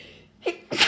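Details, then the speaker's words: Adult female with pollen allergy flare, stuffy nose, sniffling and watering eyes after opening windows: a quick breath in, then one sharp, forceful sneeze; allergic sneezing. "oh but instead I'm just sniffling and sneezy and my eyes keep watering oh my gosh and now I sound all stuffy"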